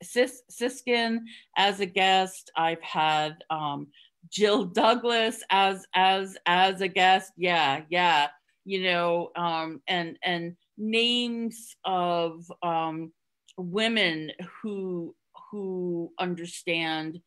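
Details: Adult woman who stutters, speaking in a podcast interview. She hid her stuttering through avoidance for close to 30 years before embracing it and now stutters openly. Finding: stuttering.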